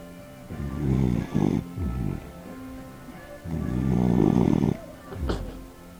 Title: Dog snoring, nbd.